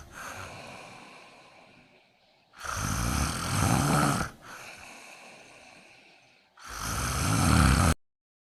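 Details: Kitten snoring while asleep next to its owner: rhythmic snoring, a noisy rasping breath in and a softer breath out, about 16 breaths per minute.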